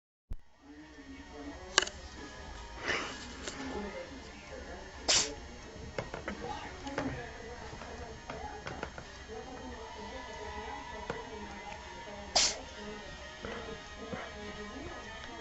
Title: Cute cat sneezes!